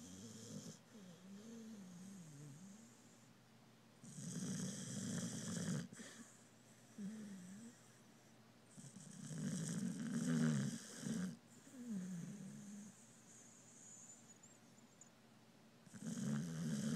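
Rhythmic rumbling snores with fluttering, nasal snorting breaths, about four cycles over seventeen seconds; snoring in a sleeping dog.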